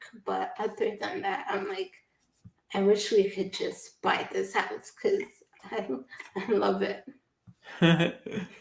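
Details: Adult woman speaking; typical speech.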